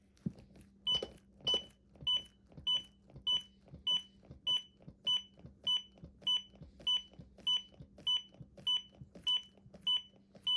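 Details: ZOLL AED Pro in-service demonstration: CPR metronome paces compressions at 105 per minute, one beep per compression, at 2–2.4 inch depth. Steady high beeps with faint thumps beneath; CPR metronome beeps.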